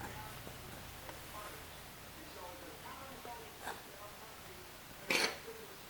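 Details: Single short, harsh cough from a pet named Tabs near the end, after a softer huff, over quiet room noise; poor-quality recording.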